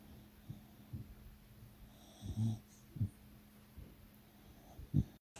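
Soft snorting, snuffling breaths at irregular intervals under low room noise, from a sleeping dog; ordinary snoring.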